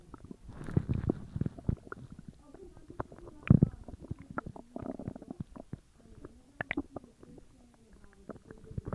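Frequent low gurgles, rumbles and short pops from the belly over several seconds: ordinary digestion noises.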